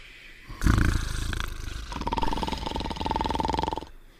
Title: Cartoon Dog and Potsworth Sleeping and Snoring Together